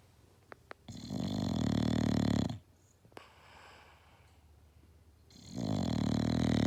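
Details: English Bulldog napping: loud, deep, rattling snores on inhalation with quiet pauses between them; snoring.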